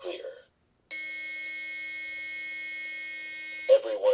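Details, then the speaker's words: Adult AED training demo for healthcare professionals (one rescuer): after pads are placed and the rhythm is analyzed, a steady high-pitched tone of about three seconds plays after the AED voice says "Charging. Everyone stand clear," just before a shock is delivered. "Speaker 2: Charging. Everyone stand clear."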